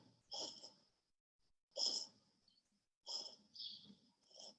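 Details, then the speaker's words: Animal with pulmonary hypertension, a murmur with thrill and increased right-sided lung sounds, with syncope and dyspnea despite pimobendan, high-dose furosemide and ACE inhibitors, at rest: about four soft, moist coughs with marked labored breathing; soft moist cough with increased respiratory effort. "Es una tos suave, ¿sí? Tenemos un esfuerzo respiratorio a pesar de que el paciente está en completo reposo, inclusive aquí estaba dormida el paciente y su refuerzo respiratorio sigue muy marcado. Es una tos húmeda"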